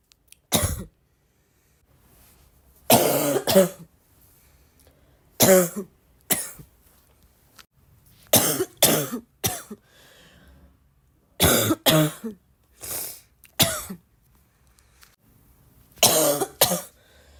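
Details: Persistent repeated coughing, self-described as the more one coughs the more one feels like coughing: repeated dry coughs in short bursts and pairs, about a dozen, with pauses between.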